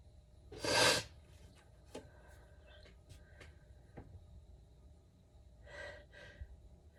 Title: How to sneeze (part 6)